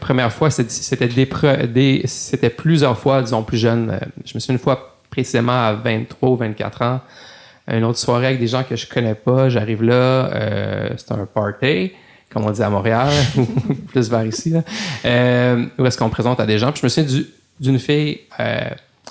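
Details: Adult male lawyer who stutters since childhood, speaking French in a podcast interview; stuttering.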